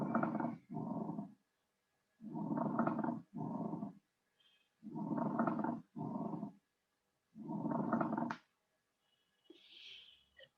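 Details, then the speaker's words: Pleural friction rub: coarse, grating creaks with each breath in and out, from the parietal and visceral pleura rubbing together. "frote pleural es producido por la presencia anormal del líquido entre las dos superficies pleurales se produce por la fricción de la pleura parietal con la visceral"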